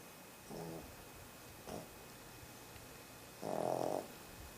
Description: DOggie snoring in sternal position Nov 1 2012